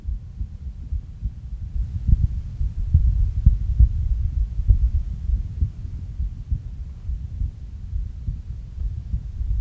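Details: Heart sounds at Erb's point, with a loud second heart sound.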